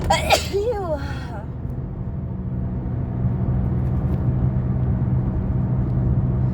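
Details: A single loud, explosive sneeze with a voiced tail while driving with a cold, followed by steady low engine and road rumble; sneezing.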